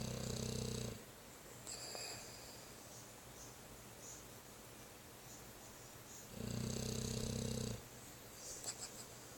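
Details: Sleeping dog snoring: two loud, buzzing snores a few seconds apart, with quiet breathing between.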